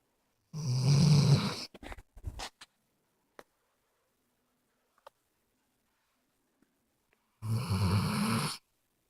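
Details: Snoring in a sleeping dog: two loud, rough rumbling snores about seven seconds apart, with faint clicks and snorts between, in a quiet room.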